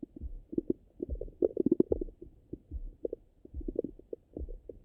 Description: My stomach got really rumbly after my breakfast. Hope you guys enjoy.